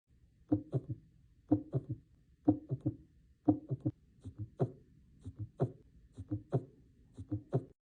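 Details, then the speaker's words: Heart sounds at about 60 a minute with extra soft thuds around lub-dub giving a galloping rhythm: S3 in early diastole and S4 in late diastole, generally abnormal extra heart sounds (S3 and S4 gallop). "sometimes we may hear two more heart sounds S3 and S4 which are generally abnormal S3 is heard in early diast and S4 is heard in late diast"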